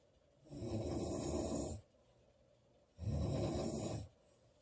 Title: Loud girl snoring July 19 2017